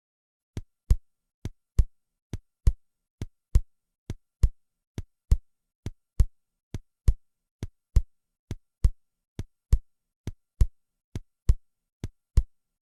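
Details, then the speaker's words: Simulated normal heart sounds at the base, aortic area (2nd intercostal space right) then pulmonic area (left), regular at about 68 a minute, second sound louder than first. "здесь норма несколько иная второй тон громче надоортой над легочной а не первый но ритмика счета раз-два то есть 1 2 определяется тем же способом давайте послушаем начальный даурта а потом легочной артерии"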